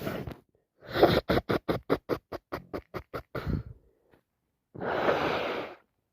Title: More cold sneezes 🤧